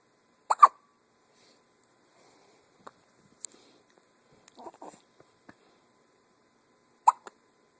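Brief sharp catches in a quiet room, two stronger ones several seconds apart with faint small sounds between, consistent with hiccups.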